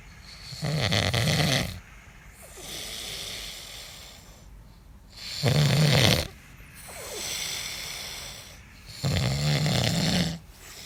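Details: Man (papa) snoring: loud rattling snores on each in-breath, about three in ten seconds, quieter out-breaths between; heavy snoring.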